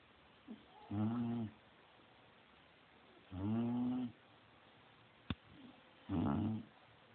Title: Haha my bulldog snoring